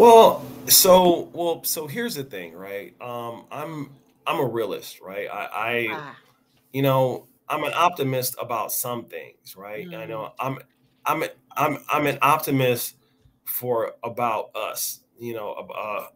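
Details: Adult man who has stuttered since age five or six, noticeable over extended conversation; word and phrase repetitions heard; stuttering.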